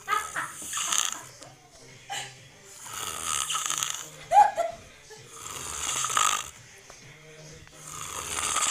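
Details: Snoring while sleeping with eyes open.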